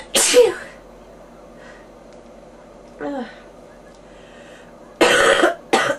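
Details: Bronchitis cough in a person with fever and ears popping: several harsh, chesty, rough coughs in a quiet room.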